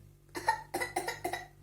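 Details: Young boy fakes a cough to be given sweet medicine: four short, forced, deliberate coughs in quick succession; imitated cough.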